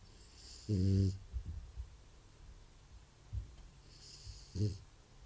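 Short, low, buzzing snorts on two breaths with soft snuffles between, against steady room noise; light snoring.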